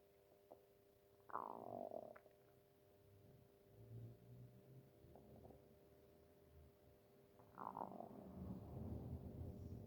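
Low, gurgling rumbles in a few bursts over a quiet background with a steady hum; ordinary stomach growling from moving gas and fluid.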